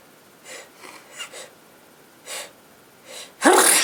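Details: Girlfriend with a cold: several soft breathy bursts, then a loud sharp sneeze at the end; sneeze.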